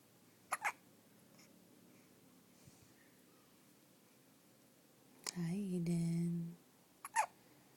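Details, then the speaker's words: Baby hiccups: short, sharp hiccups in small pairs several seconds apart, with a brief soft infant vocal sound between them in a quiet room; the baby also had hiccups in the womb. "You had hiccups in Mommy's tummy, too. Oh. But the doctor said that means you have long, strong lungs."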